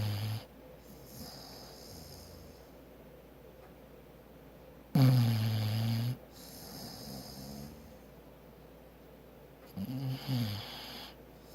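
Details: Bulldog snoring: two loud, low, rattling inhaled snores about five seconds apart, with quiet breathing between.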